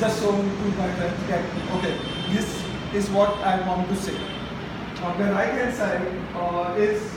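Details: Adult man who stammers, speaking at a stammering self-help group: stuttering.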